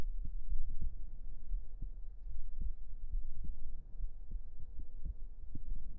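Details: Close-up ASMR recording of relaxing heartbeat sounds; normal heart sounds.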